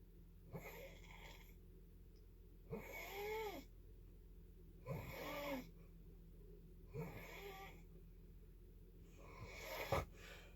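Soft rattling snores roughly every two seconds over a steady room hum: snoring.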